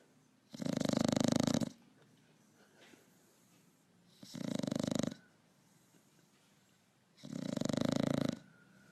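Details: Pug asleep on a sofa: three loud, harsh, rattling snores about every three seconds, each roughly a second long with quiet gaps, steady snoring.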